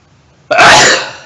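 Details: A single sudden, loud, hissing burst of air after quiet, fading over half a second: a sneeze, deliberately induced by poking the nose with the arm of a pair of glasses.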